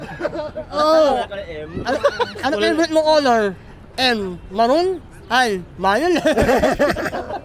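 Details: Young man who had palate surgery as a child and learned to speak late; hypernasal speech (repaired cleft palate).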